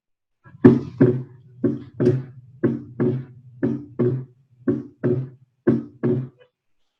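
Paired beats at about 60 a minute, a first and a second sound; the second sound doubles with inspiration, a normal physiological split S2.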